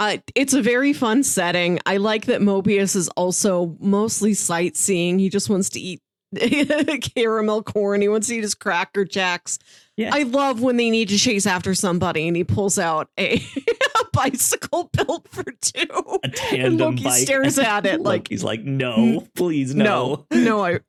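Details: Adult woman speaking; normal speech.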